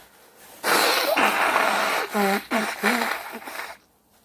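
Long forceful sneeze with voiced, drawn-out cries as it trails off. An ordinary sneeze.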